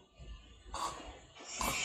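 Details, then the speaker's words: During sleep, after a quiet stretch suggesting obstructive apnea, two loud snorting gasps as breathing resumes, recorded with a snoring app in a person with severe snoring being counselled about CPAP. "근데 유추할 수 있는 게, 갑자기 숨을 몰아쉴 때는 그 앞에 무호흡이 있었기 때문에 숨을 이렇게 몰아쉬는 거거든요."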